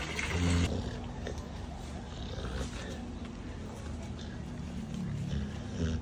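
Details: A dog, possibly a bully breed, snores while sleeping.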